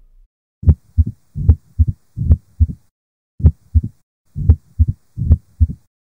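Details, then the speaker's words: 60-year-old with new-onset atrial fibrillation, flushed face and tapping apex beat: irregular rhythm about 74/min, opening snap after S2 and low mid-diastolic rumble, real heart sounds. Mitral stenosis murmur. "Gomme karabo ye e nepagetšego ke Mitral stenosis Mitral stenosis ke karabo ye e nepagetšego ka gobane re na le classic mid diastolic murmur yeo e nago le go bulega snap le"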